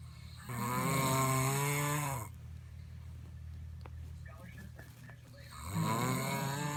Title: Loud Snoring!!!